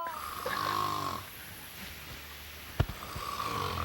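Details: Adult man asleep in camp: a loud, rough buzzing snore on the in-breath, a pause, then the next snore, described as extremely loud snoring.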